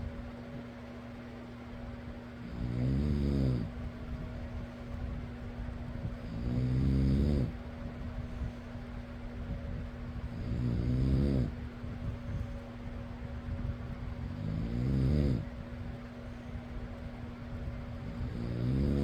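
Regular rattling snores, about 15 breaths a minute, over steady fan noise.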